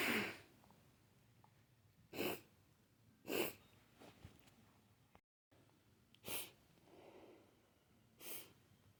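Five separate wet, explosive sneezes, each a sharp burst of noise with quiet room sound between them.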